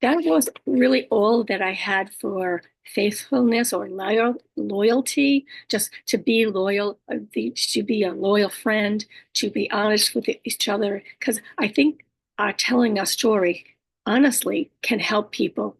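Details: Woman with aphasia, apraxia of speech and dysarthria after a stroke, whose communication she says can sometimes be hard to understand; aphasia with apraxia of speech and dysarthria.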